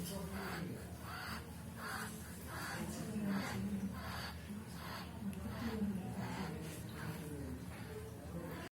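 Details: Wheezing from a happy wheezer.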